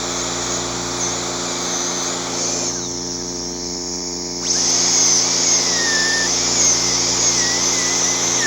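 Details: Stainless steel crown preparation on a five-year-old boy's carious mandibular primary molar, occlusal reduction following tooth contour: steady high-pitched dental drill whine briefly dropping in pitch as it cuts, then resuming full speed.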